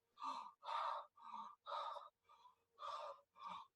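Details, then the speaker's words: Loud, harsh, high-pitched hollow breath sounds in both directions with short pauses, about one breath every two seconds: bronchial breathing, from loss of the alveolar filter in dysfunctional, filled alveoli, in a respiratory examination lecture. "bronchial breathing is very harsh and high pitched this is because Alva are broken they're dysfunctional and there is stuff inside it's not filtering the uh high pitch sounds"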